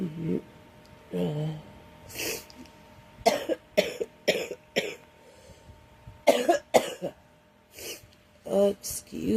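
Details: Girl coughing with a cold: repeated short, loose coughs in bursts with throat clearing in a quiet room.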